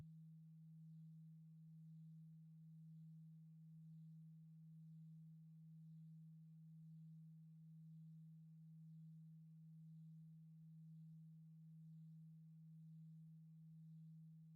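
A steady low pure tone with a gentle once-a-second swell, used as a hearing test tone.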